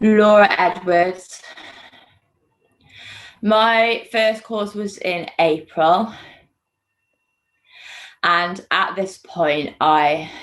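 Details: Stuttering in a woman two months after the McGuire Programme course, managed with the programme's fluency techniques; she says she still has a stammer.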